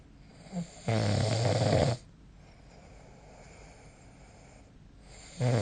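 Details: Snoring recorded with the SnoreLab snore-recording app: one loud, low, rattling snore on an in-breath, with a quieter sound before it and the start of another at the end.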